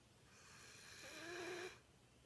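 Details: A single short, high, squeaky snoring breath with a faint whistle from a sleeping Boxer–German Pointer mix puppy, a habitual snorer who often sleeps on her back or with her head on a pillow; snoring.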